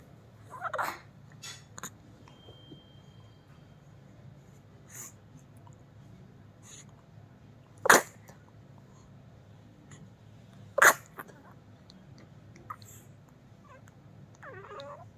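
Two sharp, brief explosive bursts about three seconds apart in a quiet room, heard as small sneezes.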